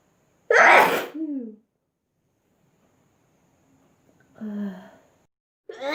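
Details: Sneezing compilation: two loud sneezes, each a sharp burst with a falling voiced tail, another beginning at the end; repeated sneezing.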